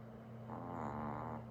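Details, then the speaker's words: A sleeping pet gives a low, steady rumbling snore that rises slightly in loudness through one breath; snoring. "more productive ways you could be spending your time that's mini snoring right here I don't know if you could hear that"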